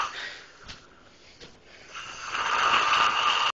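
A few soft snorts, then a loud, rising, rattling snore during an in-breath, in a small room.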